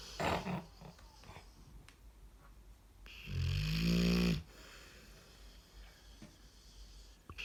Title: Snoring dog